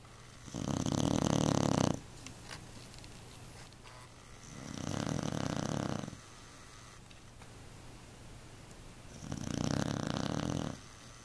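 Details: Beagle snoring so loudly the couch vibrates, driving another pet off: three loud, rasping, buzzing snores roughly every four seconds, about 14 breaths a minute.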